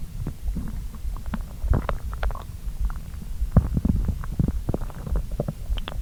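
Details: An adult's stomach rumbles while digesting a late brunch of pasta after hours of fasting: continuous low gurgling with scattered squeaks and bubbling pops, normal active bowel sounds (borborygmi) after eating.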